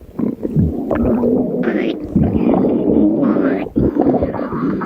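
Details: Stomach growling: low, drawn-out gurgling and groaning rumbles from gas and fluid moving through the gut; borborygmi.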